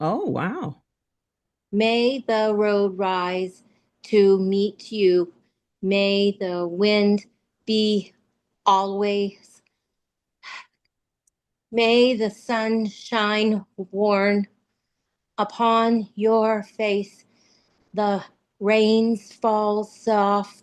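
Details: Aphasia support group participant speaking with word errors and difficulty retrieving words; aphasia.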